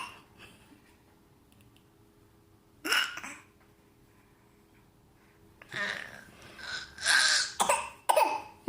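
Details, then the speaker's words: Young child gives several short, forced cough-like bursts; the adult says she is faking and not really coughing. Voluntary fake cough. "You're not real coughing. You have a fake cough."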